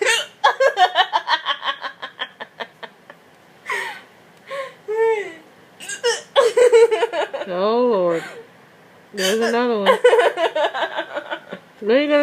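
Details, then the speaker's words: A girl laughing hysterically in bursts, broken by abrupt short gasping hiccup sounds recurring between the laughs; repeated hiccups. "You got hysterical hiccups. You're hysterically laughing and hysterically hiccuping."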